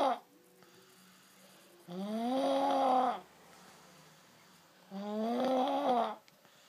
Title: Loudest baby snoring